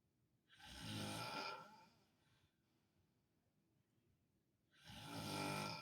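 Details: Adult man, a father, asleep and snoring loudly while staying with a hospitalized family member: two loud, harsh inspiratory snores about four seconds apart with quiet breathing between, roughly 14 breaths a minute; snoring.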